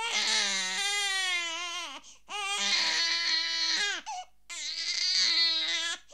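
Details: An unhappy infant cries in three long, loud, high-pitched wails with short breaths between, in a small quiet room, from a sound-effect library recording; infant crying.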